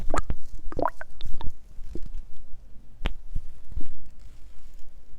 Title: STOMACH GROWLING HUNGRY WATER GOOD SOUNDS ✨